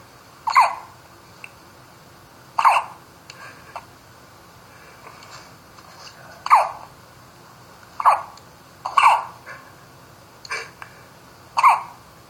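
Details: Baby hiccups: eight short, sharp hiccups at irregular intervals of about one to two seconds in a quiet room; infant hiccups.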